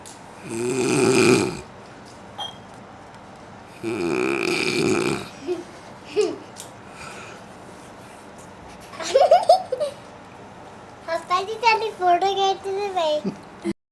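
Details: Two loud, harsh, rattling snores a few seconds apart from a man, followed by someone nearby laughing; heavy snoring.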